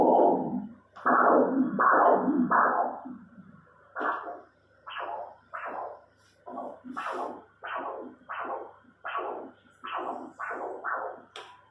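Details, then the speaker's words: Right common femoral artery, inguinal region, pulsed Doppler ultrasound in a patient with femoral stenosis and popliteal occlusion: rhythmic whooshing at about 82 per minute, normal pattern with preserved velocity of 136. "Muy bien, vemos ahí el flujo de la arteria femoral común, que es bastante adecuado, bastante normal. Las velocidades de flujo están conservadas, 136, es normal este patrón."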